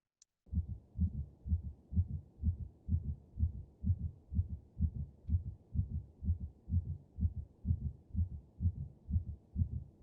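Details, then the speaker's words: Canine veterinary training simulator (black lab mannequin), healthy-heartbeat setting: steady, regular low heartbeat at about 63 beats a minute; normal heart sounds. "now they can then put that here and have it in their stethoscope and they would be able to hear that normal sound that normal heartbeat"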